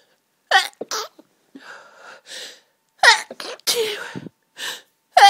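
Several forceful sneezes in close succession with gasping breaths between them; a sneezing fit from hay fever.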